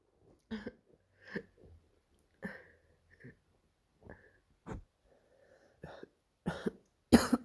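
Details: About nine short, harsh, evenly spaced barking coughs with a seal-like quality; the cough is described as painful.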